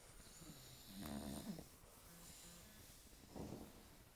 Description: Cosmo (7 yrs. old) and Bella (3 months old) sleeping and snoring on the couch. Yes, bulldogs snore EVERY time they sleep like this, if not louder! :)